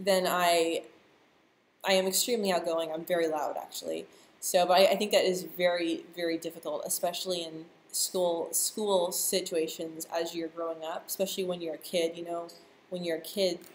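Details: Adult who stutters, speaking live, with stuttering.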